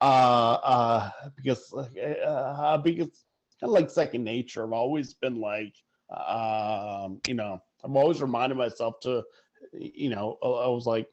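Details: Adult who stutters, speaking conversationally; stuttering.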